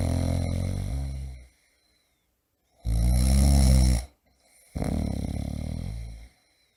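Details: A man snoring loudly in a sound-effect recording: loud, deep, rattling snores with brief silences between, heavy snoring.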